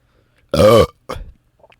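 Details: Adult man deliberately burping for ASMR while recording in a closet: one loud, drawn-out throaty belch followed by a shorter, softer one; ordinary burping.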